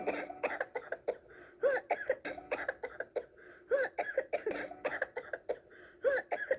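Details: Repeated short, voiced coughs in rapid bursts with brief pauses between clusters, an acted cough performed by a child in role-play.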